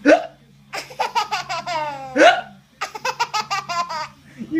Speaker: hi you got hics